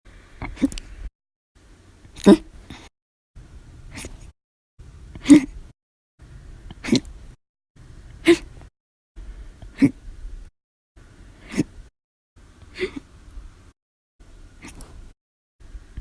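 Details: Sharp, abrupt gulping hiccups about every one and a half seconds, roughly 20 a minute, in a quiet room; a persistent episode.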